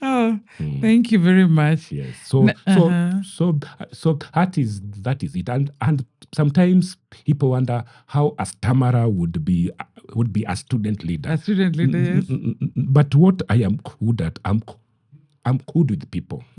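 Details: Adult man who stammers, which he says is genetic, inherited from his mother, and at times acute; word and part-phrase repetitions heard; stuttering.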